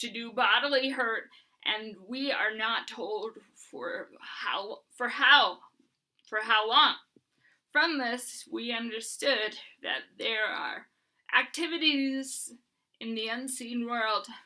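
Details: Dysarthria in an adult woman with Huntington's disease, reading aloud and repeating phrases.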